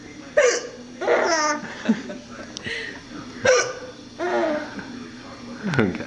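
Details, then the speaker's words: Infant (North Carolina, 2007) with hiccups: sharp, abrupt little gasps at irregular intervals, with soft coos and giggly sounds between them. "We thought hiccups were so comical. You like those hiccups?"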